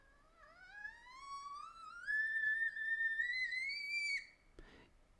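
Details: Child phonating a rising pitch glide ending at about 2000–2300 Hz, an extremely high fundamental frequency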